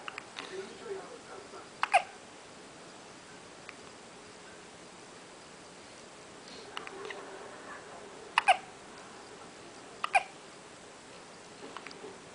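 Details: About three sharp, abrupt hiccups spaced several seconds apart in a quiet room, during an attempted "cotton head" hiccup remedy; hiccups.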